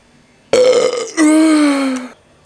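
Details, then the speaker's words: Two loud, drawn-out voiced belches in close succession, the second lower and longer, after drinking Coca-Cola; repeated burping. "it has now been 14 minutes since I've drank a whole bottle of Coke without burping and now it's just coming out"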